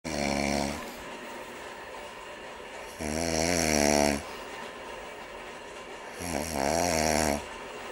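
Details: Snoring from a sleeping man.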